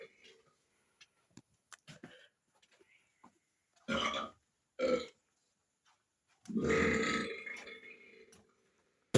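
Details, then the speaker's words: Comedic burping clip with loud burping effects: three loud voiced belches, the last long and drawn out, with faint clicks and mouth noises between them. "Oh, wow. This is really impolite to burp. Now, this is impolite to burp."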